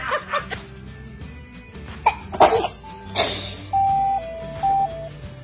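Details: Baby girl sitting up gives a couple of small, sharp sneezes with brief sniffles, music-box tune in the background; sneezing.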